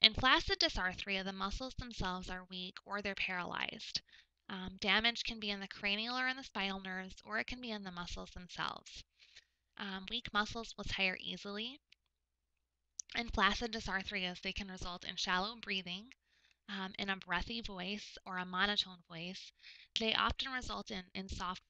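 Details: Adult woman narrating; typical speech.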